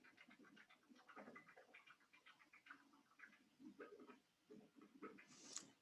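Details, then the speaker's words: Non-invasive real-time pulsed Doppler flow velocity system on a mouse: rapid, pulsing whooshes of the blood flow signal with each quick heartbeat. "you can hear the traditional sound of the doppler flow so that's coming through the computer and often we can recognize the different flow velocities that we're seeing based on that signal"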